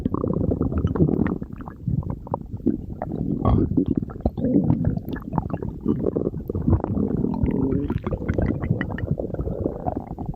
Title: stomach growling